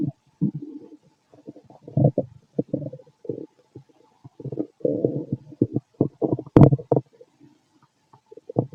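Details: Male stomach growling heard through a stethoscope over the abdomen: repeated short gurgles and growls with brief pauses between them; ordinary bowel sounds.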